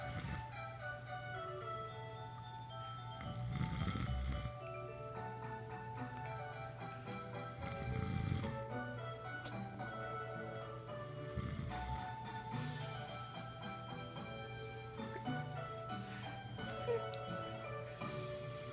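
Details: A father snores with low rumbling snores about every four seconds, under loud children's music playing while his 5-month-old daughter watches a video: snoring.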